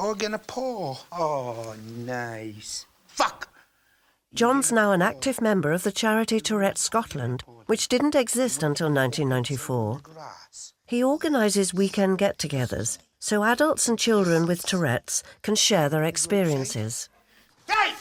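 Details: Adult narrator, with another adult briefly heard at the start; normal fluent speech.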